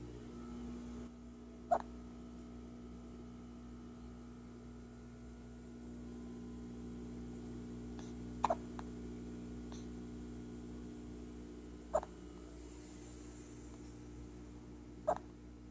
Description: My newborn daughter has squeaky hiccups while she sleeps.